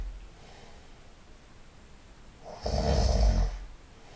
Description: Turned on my side, snoring nasally